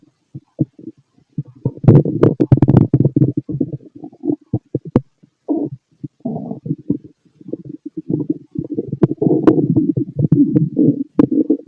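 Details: Fit male's stomach growling heard through a stethoscope: frequent gurgling, bubbling growls and squelches; ordinary active bowel sounds.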